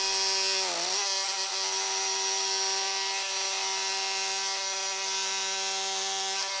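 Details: Oscillating bone saw making the posterior femoral cuts in a mechanically aligned total knee arthroplasty for knee osteoarthritis, with a retractor protecting the MCL, LCL and popliteal tendon: a steady high-pitched whine with pitch dipping briefly under load.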